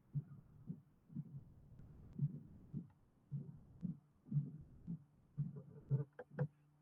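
Slow, regular heartbeat near 60 a minute with a low rumbling murmur in the gap after the second sound: a mid-diastolic murmur of mitral stenosis.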